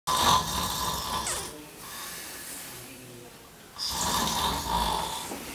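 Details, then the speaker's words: Two loud, rough, rattling snores on breathing in, separated by a quieter pause, in a small room; snoring played as an example in a sleep-doctor commercial promoting home sleep testing. "if you are your sleep partner snoring like this it's time to call dr john krellick alaska's sleep doctor"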